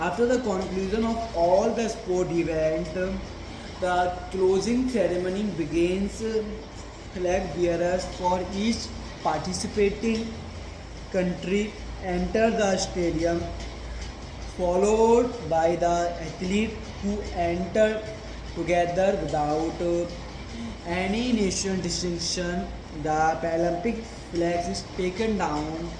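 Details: Male reading a passage aloud as daily stammering practice, with a word repetition: stuttering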